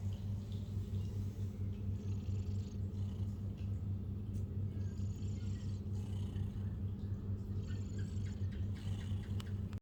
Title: cat's snoring 고양이 코골이